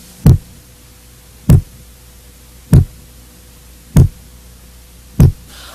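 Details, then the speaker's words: Regular low heart thumps at about 49 a minute over a quiet hum, with S1 longer and lower-pitched than S2. Normal heart sounds. "a primeira bulha corresponde ao fechamento das valvas mitral e tricúspide sendo que o melhor ponto de ausculta é o foco mitral seu sonho é mais prolongado e mais grave do que o da segunda bulha"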